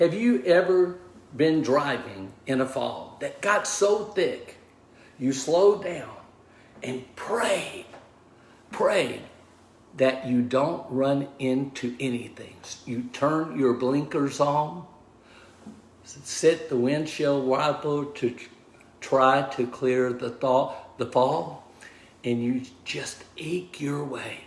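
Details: Aphasia after a stroke in a man of about 61 at onset, diagnosed 26 months earlier; initially unable to talk, write or communicate, now relearning speech, reports mixing up words and slowing down to avoid slurring.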